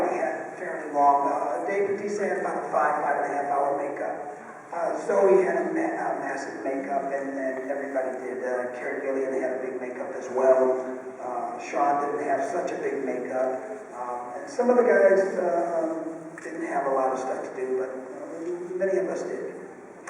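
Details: Unilateral vocal fold paralysis (rough, breathy voice) in an adult male after a childhood clothesline neck injury; one vocal cord is bowed and one paralyzed, with excess air escape, persisting ever since.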